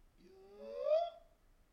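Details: Adult voice; biphonia.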